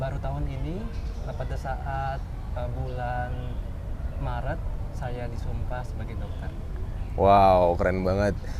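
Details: Stuttering since childhood in a young adult man, a newly graduated doctor.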